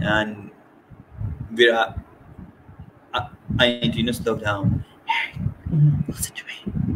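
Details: Adult woman who stutters (stammers) and serves as a trustee of a Scottish stammering support network; stuttering.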